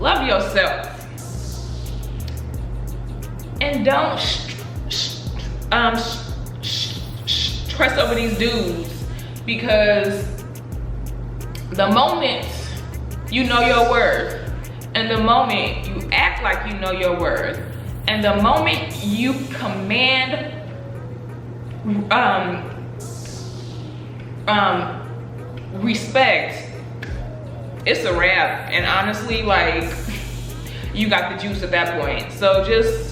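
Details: Adult woman who stutters, who says she stutters less when angry; stuttering.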